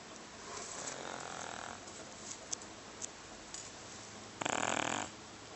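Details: Large cat of at least about 30 lbs, said to snore as loud as a human, asleep: noisy breathing with a rough, rattling snore near the end over background hiss; snoring.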